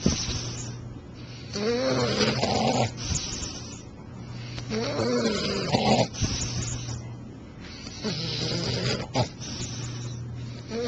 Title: ejandfriends:Bulldog Snores!